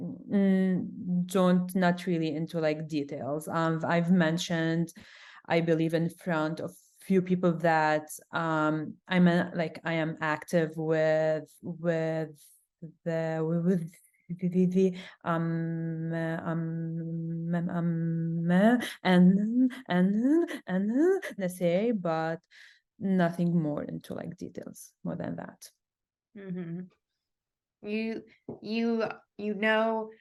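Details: Adult woman who stutters, with sound repetitions in this stretch; she also reports big blocks. Stuttering.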